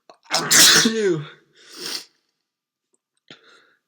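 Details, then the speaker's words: An adult who says they definitely have a cold sneezes repeatedly. Here one loud, explosive sneeze follows a sharp intake of breath, then a softer exhalation and a faint trailing sound. "No, I definitely have a cold."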